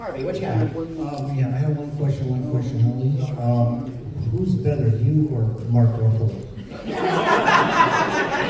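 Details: Adult man; typical speech.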